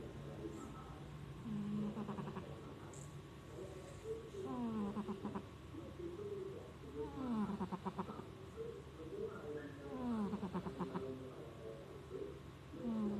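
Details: Sleeping cat, seemingly dreaming: soft, whistling, fluttering breath sounds repeating about 20 times a minute in a quiet room; snoring.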